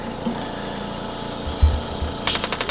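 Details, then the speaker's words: Radial shockwave therapy handpiece starting on a woman after total hip replacement, at 1 bar pressure with standard 2,000 pulses: rapid mechanical tapping pulses over low room noise. "Um we can change the frequency, which is how much how many times it hits you. Um, how many pulses you get."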